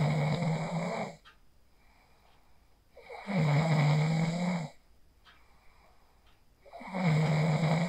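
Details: Person asleep after using the 4-7-8 breathing technique, recorded on a phone; slow regular snoring about 17 breaths a minute, loud rattling snores separated by quiet pauses; snoring.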